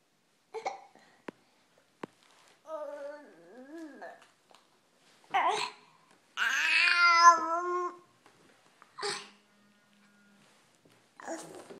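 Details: Infant with hiccups: short, sharp hiccup bursts every few seconds between voiced babbling and coos in a quiet room.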